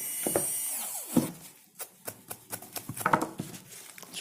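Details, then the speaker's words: Simulated preparation of mandibular first molar (FDI #36) on a typodont for full veneer crown: high-speed handpiece whine dropping in pitch, short repeated grinding contacts, cutting ~1 mm buccal cusp depth orientation grooves. "So you start from the cusp tip and go down and sink the burr completely inside, so that our depth orientation grooves would be about 1 millimeter in all the places."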